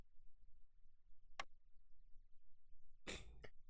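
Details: A brief sharp burst, then a louder harsh cough-like throat clearing with a small second catch, against quiet room noise, from a streamer during game commentary: cough or throat clearing.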